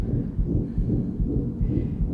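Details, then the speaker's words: Continuous washing-machine-like murmur with S1 and S2 indistinguishable, from Daisy, a one-year-six-month-old Yorkshire terrier: patent ductus arteriosus (PDA) machinery murmur, curable by procedure. "anyone differentiate between S1 and S2 there no so it's continuous so that's your wonderful PDA yeah"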